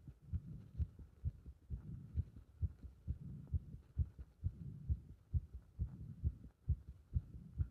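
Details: Heart sounds recorded with pressure on the chest during squats: rapid, regular thumping heartbeat at about 130 beats a minute with muffled movement noise, heart rate raised by exercise.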